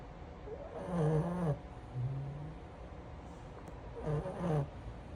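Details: Snoring in a French Bulldog: loud, rattling snores with each breath, typical noisy breathing of a flat-faced dog asleep.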